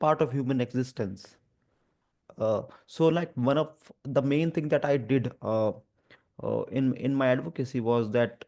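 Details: Stuttering in an adult man; he reports stammering especially on the 'through' sound and on his own name; finding: stuttering.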